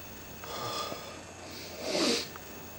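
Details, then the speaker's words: Person who thinks a cold may be coming on: quick indrawn breath, short pause, then one forceful, messy hissing sneeze against faint room hum. "huh am i gonna sneeze"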